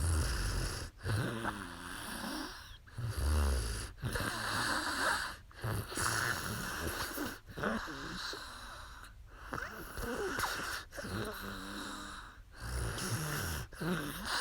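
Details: Adult woman asleep during a live sleep stream: repeated rough, rattling breaths, roughly 20 a minute, with brief quiet pauses between; snoring.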